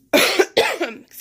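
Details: Two loud, harsh coughs close together, followed by a brief pause; an ordinary cough.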